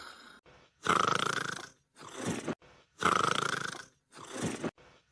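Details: Sleeping dog snoring: loud, regular, harsh rattling on each breath in, quieter breath out, about 28 breaths a minute.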